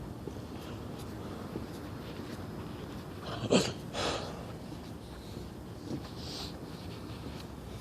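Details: Two abrupt gulping bursts about half a second apart, then a fainter one, over steady room noise; a persistent bout of hiccups while out in West Philadelphia.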